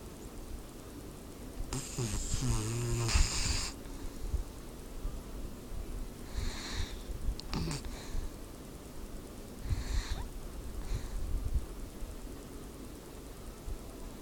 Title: Snoring dog